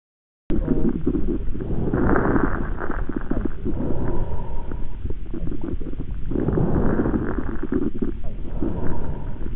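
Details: Adventitious lung sounds heard through a stethoscope: loud, rough breath sounds with low rumbling and crackly added noises over the breath cycles, as judged by at least 8 of 10 pulmonology specialists.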